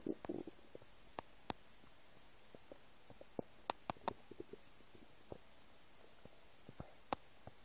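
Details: Empty stomach: scattered soft gurgles and brief squeaky pops from the belly over a quiet background; ordinary stomach rumbling (borborygmi).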